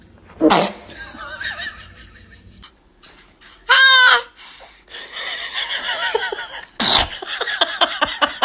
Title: Baby sneezes #lovebaby #baby #love #fouryourpag #puppy #adorably